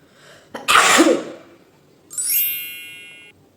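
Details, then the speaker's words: A single loud, explosive sneeze with a sharp inhaled lead-in, then a brief chime: the final, 20th sneeze of a sneezing challenge, with burning around the nose. "आया finally 20 sneeze मैंने complete कर लिया गा सो गा मैंने ये sneezing challenge part two भी complete कर लिया है"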